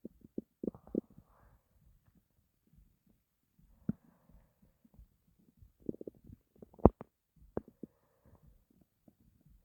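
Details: Scattered low, quiet, irregular gurgles and soft rumbling pops of stomach growling from a person who had not eaten for a long time and was starving.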